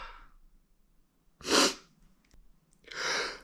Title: POV dominant sneezes (M)